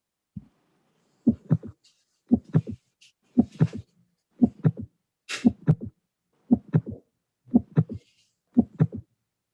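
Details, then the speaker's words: Heart sound course quiz case: heartbeat about 58 a minute with three sounds per beat and no murmur, just an extra sound; a systolic click. "so we have no moror just an extra sound let's listen again no murmur an extra sound we have three sounds"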